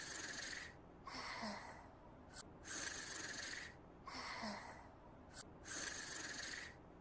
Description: I have a hard time sleeping through my Umaru's snoring